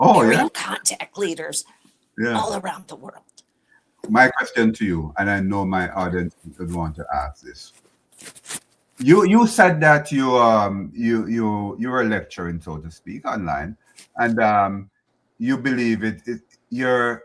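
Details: Adult male speaker; normal speech.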